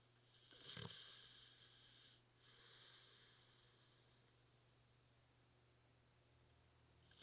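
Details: Snoring from a Victorian Bulldog asleep on his back, which the owner suspects is sleep apnea: a sharp snort and a rough, noisy breath, then near silence for several seconds.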